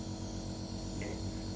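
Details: Nebulizer running during an inhalation therapy procedure.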